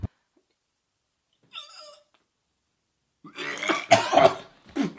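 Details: Harsh, throaty retching bursts with rough coughing after a brief strained squeak, as a person gags while eating disgusting foods such as crispy anchovies in an eating challenge; gagging.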